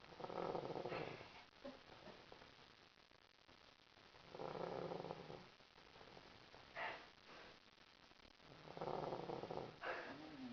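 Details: Man asleep on a couch after a trip: three loud, rough, rattling snores about every four to five seconds (about 14 breaths a minute), each followed by a brief exhale.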